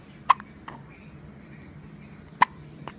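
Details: Two sharp, short hiccups about two seconds apart over a quiet background; infant hiccups.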